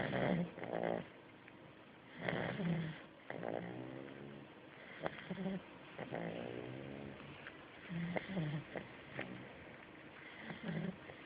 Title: Staffordshirer puppy 8 weeks snore